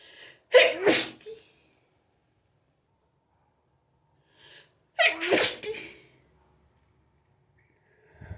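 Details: Two forceful sneezes, each with a sharp inhaled lead-in and explosive burst, about four seconds apart, during a hay fever attack; sneezing.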